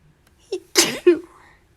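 A short indrawn breath followed by one forceful burst of air: a single sneeze.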